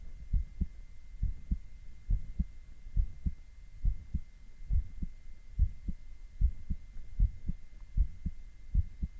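Steady paired lub-dub heartbeats, about 70 beats a minute, with a faint electrical hum behind.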